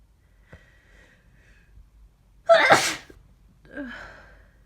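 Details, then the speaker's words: Adult woken with aches, sore throat and headache, suspecting a cold or flu, sneezing repeatedly all morning; quick catching breath, then one loud explosive sneeze and a groaning exhale in a quiet room. "I've been sneezing like this all morning. I don't know. What's wrong with me?"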